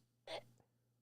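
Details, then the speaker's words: Man with allergies sneezing during a live stream, part of about five in a row: one brief, sharp, explosive burst of air with a faint catch after it. "Oh man, I'm telling you, man, these allergies. Y'all see that? That was like 5 in a row with a little break, but I got a couple more coming."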